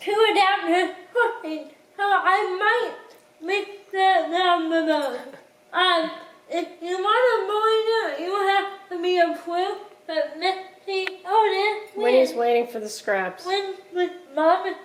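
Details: Dysarthria in a woman with cerebral palsy who cooks independently with limited help.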